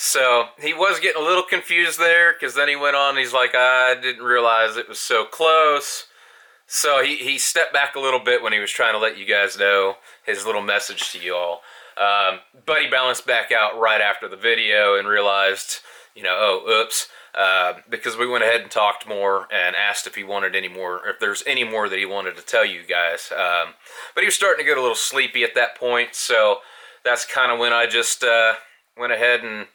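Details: Adult male speaker; ordinary speech.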